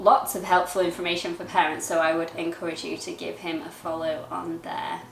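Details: Adult woman speaking; typical speech.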